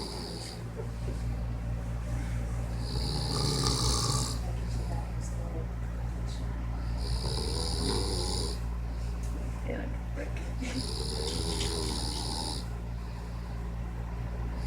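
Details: Loud, rasping snores from a man, recurring about every four seconds over a steady low room hum; snoring.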